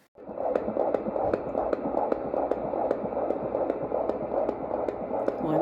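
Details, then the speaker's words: Fetal heartbeat of 156 per minute: fast, steady whooshing beats on Doppler at a routine OB appointment at 20–22 weeks of pregnancy, mother aged 42. "Baby's heartbeat was 156, and I will include a clip of that here."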